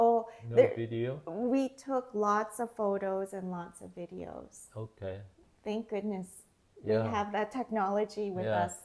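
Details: Adult woman speaking; normal speech.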